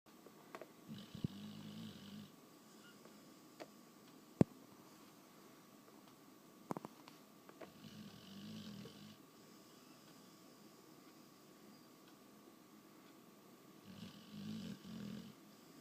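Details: Snoring in a sleeping pit bull: low, rumbling snores on each breath, about every six to seven seconds, with faint clicks and room hum.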